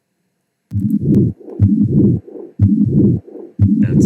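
Simulated heart sounds at about 60 a minute, each beat carrying rough, scratchy, grating bursts across the cycle: a pericardial friction rub.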